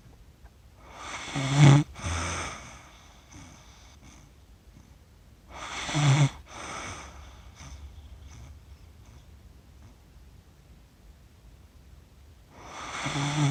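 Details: Accidental recording of an adult sleeping, self-described as snoring funny: irregular snorting snores with a brief catch, then soft wheezy breath-outs, about 13 breaths a minute, quiet room noise behind.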